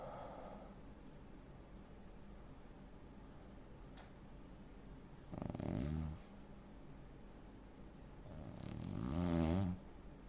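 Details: 43-year-old man, 85 kg, 165 cm: two loud, rattling snores several seconds apart over quiet breathing, real-life snoring with breathing pauses typical of obstructive sleep apnea.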